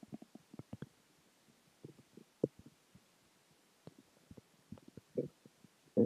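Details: Stomach growling (borborygmi) after dinner, water and gas: irregular gurgles, pops and low rumbles from the belly.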